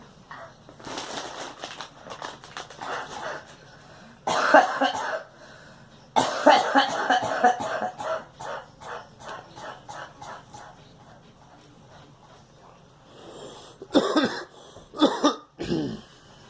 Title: Girl coughing